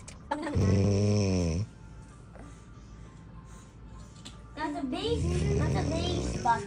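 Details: A father snoring while asleep, heard by his 5-month-old baby who has just woken up.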